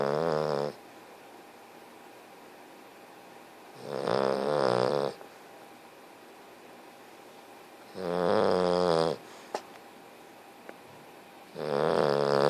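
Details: Sleeping, very tired English bulldog: loud rattling snores on each breath in, about every four seconds, with quiet gaps between; snoring.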